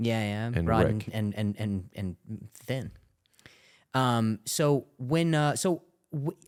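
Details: Adult male comedian with stuttering, which he calls a stuttering disorder, who attends speech therapy, speaking in conversation.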